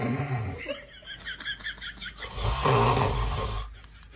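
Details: Loud, rough, vibrating breath sound after a run of short rhythmic sounds, with music, as a baby reacts; snoring.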